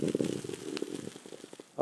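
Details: Brief low gurgling rumble with bubbly pops lasting under two seconds from an adult man's stomach; ordinary stomach growling (borborygmi) from gas and fluid moving through the gut.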